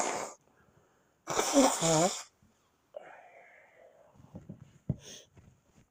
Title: Big fit with stuck sneezes